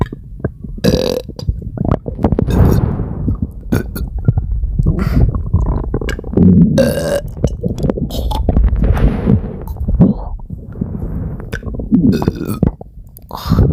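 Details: Huge burps and stomachache sounds: loud, deep, continuous gurgling and rumbling with burp-like bursts, stomach rumbling (borborygmi) with gas and belly upset.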